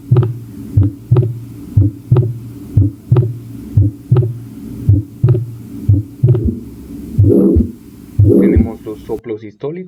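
Regular heartbeat near 60 per minute with a low rumbling sound filling between beats, fitting a systolic murmur of aortic stenosis; brief voice at end.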